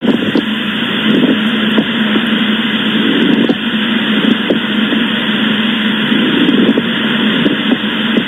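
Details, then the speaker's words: Pleural friction rub shown as a teaching example during deep breathing: scratchy, grating creaks like rubbing leather or stepping on snow, heard in both inspiration and expiration (biphasic), over a steady breath hiss. "Suena áspero como frotar cuero o pisar nieve y se y se escucha tanto en la inspiración como la como en la expiración. Por eso es bifásico."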